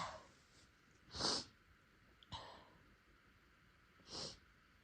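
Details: Person without allergies whose nose seemed sensitive after spicy food, sneezing induced by tickling the nose: a quick inhale, then two sharp, hissing sneezes with a short breathy sound between.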